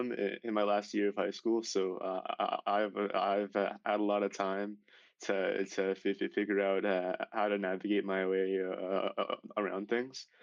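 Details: Male high school senior who has stuttered severely since age 10, in speech therapy for six years, speaking about oral presentations; stuttering.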